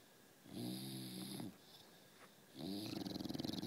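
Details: A sleeping bulldog snoring: two rattling, fluttering snores, the second breaking into rapid vibrating pulses.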